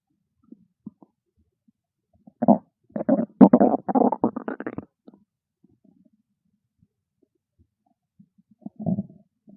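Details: Loud bursts of rumbling, bubbly growling with a shorter growl near the end; loud stomach growling (borborygmi) from hunger.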